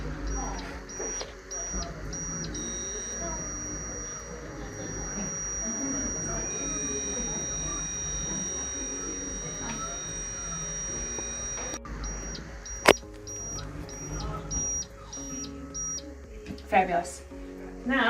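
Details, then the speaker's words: Panoramic dental X-ray (panorex) exposure: repeated short high beeps while the button is held down, with a steady tone and faint motor noise as the unit rotates around the patient, who stays biting and holds still. "It's just going to go around you and make a little bit of noise. Now that the patient's in there, hit this go arrow and it's going to tell you go for pushing the button. So, come on over here. We're going to hold down this button until it stops beeping."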